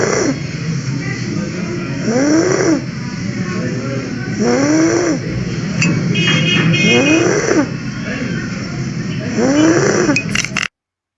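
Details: Stridor in a child, shown as an example contrasting stridor with wheeze in children.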